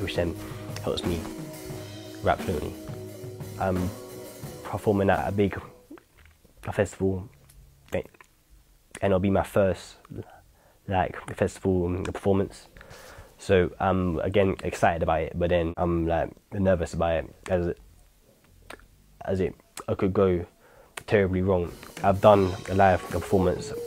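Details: Stuttering in a man who says it tends to disappear when he raps; he reports nerves before a performance.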